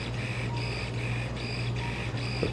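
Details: Arthroscopic shaver in a man's right shoulder during arthroscopy, trimming a frayed, possibly catching posterosuperior flap: low motor hum with rhythmic pulsing about three times a second.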